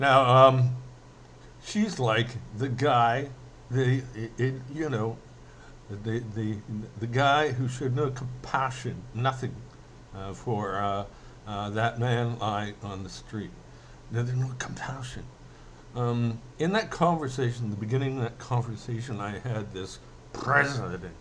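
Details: Stuttering in an adult male with a self-described slight speech impediment, possibly after a brain hemorrhage; he stutters mainly when emotional, and he is speaking in an emotional rant here.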